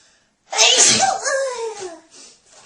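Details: One loud, explosive sneeze with a forceful hiss and a voiced trailing sound; a woman sneezing repeatedly while talking, saying she is very sneezy.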